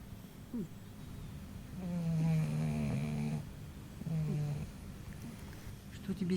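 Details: Snoring from Cleopatra, apparently a pet cat, lying beside the owner, loud over the TV. Two long, low, rattling snores on inhalation, with a brief click and room noise.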